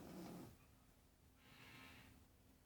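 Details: Grandmother asleep: a low, rough, rattling snore on the in-breath, then a softer breathy rush of air on the out-breath: snoring.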